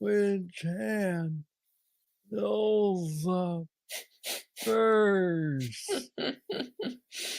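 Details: Hypokinetic dysarthria in a man with Parkinson's disease diagnosed at age 35, about nine years earlier, described as the most aggressive form, with mobility struggles; treated with a brain stimulator implant.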